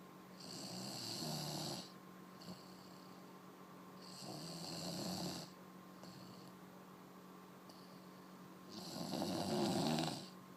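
Soft, fluttering snores on breaths in, three in about ten seconds, with quiet pauses between; snoring.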